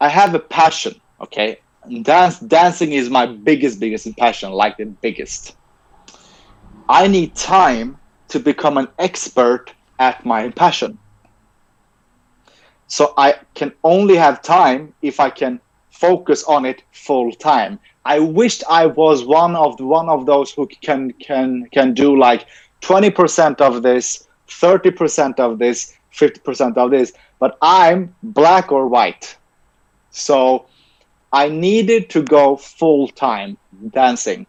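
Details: Adult male who stutters, has had speech and language pathologist therapy since age ten and later trained as a speech-language pathologist himself; real stuttering heard in interview speech; finding: stuttering.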